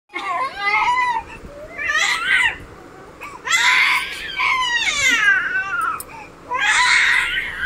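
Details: Baby crying in repeated high-pitched wails separated by brief breaths.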